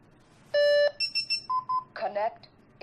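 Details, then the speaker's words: Portable training AED switching on during a CPR and AED first-aid tutorial: a long tone, then a series of short beeps and a brief electronic voice prompt. "as you can clearly see on the screen it is instructing you to connect the electrodes make sure they're connected properly into this device here"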